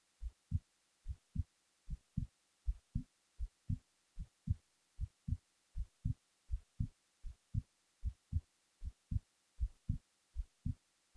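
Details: Steady paired low thumps at about 77 beats a minute in a quiet setting, recorded while falling asleep; an ordinary resting heartbeat.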